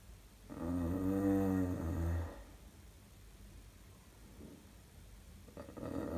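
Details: Staged snoring in a comedic short film: one loud, deep, rumbling snore followed by quiet, then the start of another; heavy snoring.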